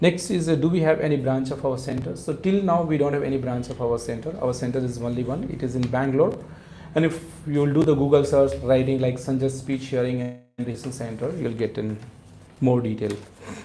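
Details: Adult male speaker; ordinary speech.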